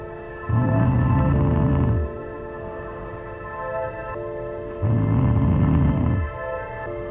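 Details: Two long, low, rumbling snores about four seconds apart, heard over steady background music; ordinary snoring.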